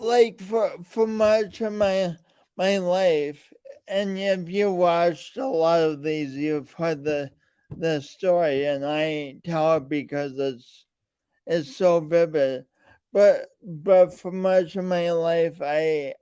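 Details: Man with a speech impediment and coordination differences present since birth, still ongoing; speech impediment with disfluency.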